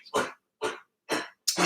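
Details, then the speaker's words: A pet dog with kennel cough, caught from a neighbour's dog, gives four harsh, honking cough bursts in quick succession. "Oh, I'm sorry. My dog has kennel cough. Got it from a neighbor's dog. And, oh, it sounds so gross."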